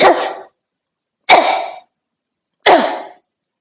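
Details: Three deliberate, forceful single coughs about a second apart, each a sharp burst fading quickly, done after a special pranayama deep-breathing exercise meant to cleanse the lungs; voluntary forced cough.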